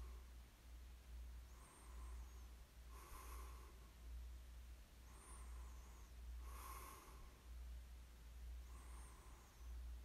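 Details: Person lightly snoring during sleep, recorded for ASMR: slow, soft breathing at about 14 breaths a minute with a faint nasal snort on some breaths, over a steady low room hum.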